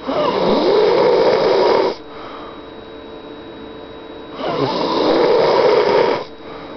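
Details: A person's nightly snoring: two long, loud, rattling snores on breathing in, each about two seconds, separated by a quieter breathing-out pause, with a faint steady background tone.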